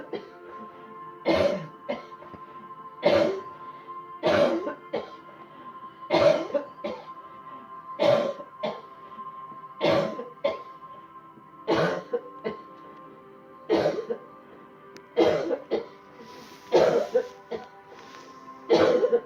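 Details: Deliberate, forceful adult coughs repeated about every two seconds with soft music throughout, following guided deep breathing in and out as part of a cleansing-healing coughing technique demonstration: voluntary cough.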